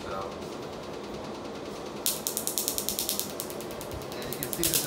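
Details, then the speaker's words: Q-switched laser at 10 pulses per second on a locally anesthetized tattoo, first removal session: rapid snapping pops over steady room hum as the ink is pulverized. "10 pulses per second rate so it's very quick and efficient it's just basically pulverizing that tattooing"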